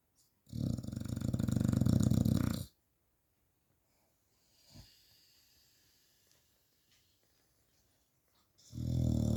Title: My Staffy snoring